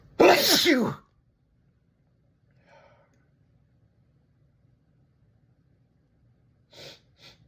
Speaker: I have to sneeze again. I have to sneeze.